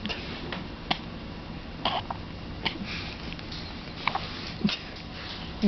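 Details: Infant in the ICU hiccuping after drinking half a bottle too fast: brief, soft, sharp catches about once a second over a steady hum.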